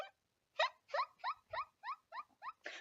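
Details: Woman with tics: a squeaking vocal tic followed by the word tic 'mangoes' and a swear word; vocal tic (squeaking).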